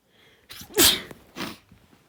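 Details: A person's own sneeze from a compilation recorded over one week: a quick in-breath followed by one explosive burst and a smaller second burst.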